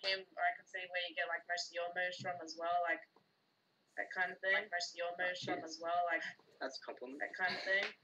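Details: Adult speaker; typical speech.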